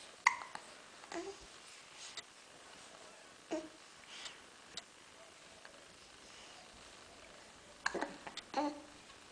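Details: Baby who gets hiccups often: faint, brief, repeated hiccup catches at irregular intervals over hissy room noise, with occasional soft baby vocal sounds; hiccups.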